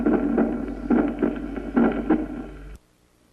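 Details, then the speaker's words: Regular heart sounds near 70 per minute with an early systolic aortic ejection click at the first sound, heard at the aortic focus, Erb's accessory area and apex, typical of non-calcified valvular aortic stenosis. "el clic aórtico se oculta al nivel del foco aórtico en el accesorio de her y en la punta se encuentra sobre todo en la estenosis aórtica valvular no calcificada y su presencia apoya el diagnóstico de estenosis valvular"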